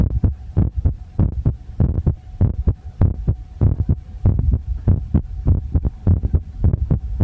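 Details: Visible heartbeat recorded with poor sound: low, thudding paired beats around 98 a minute, fairly regular, with a faint steady hum behind; an ordinary heartbeat.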